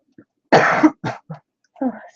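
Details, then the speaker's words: Adult speaker with ongoing flu during a webinar: one strong cough burst followed by two softer coughs, then a brief spoken word. "Excuse me, I just have to cough again for a"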